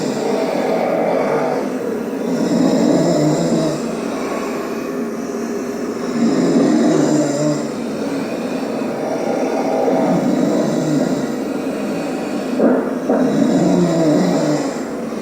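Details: Man snoring while sleeping after a birthday party: loud, rough, rumbling snores about every four seconds, around 15 breaths a minute.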